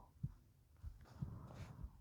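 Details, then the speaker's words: Speaker's own heartbeat recorded for an ASMR nap video while softly reading Beowulf aloud: soft, muffled low thumps in pairs about one a second; normal heartbeat. "Today we're going to just nap with you listening to my heartbeat while I read to you quietly. Hopefully that makes it more soothing for you."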